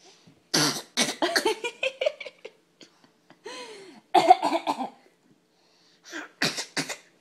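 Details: Dog imitating a person's cough: run of short, harsh cough-like bursts mixed with throaty growling and a rising whine: imitated cough.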